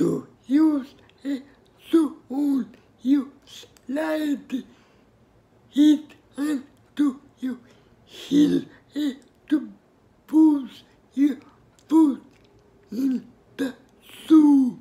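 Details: Speaker with cerebral palsy; dysarthria.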